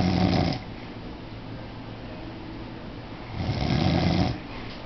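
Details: Stepfather snoring in sleep: two loud, rough, low-pitched rattling breaths about three seconds apart, separated by quieter breathing in a small room.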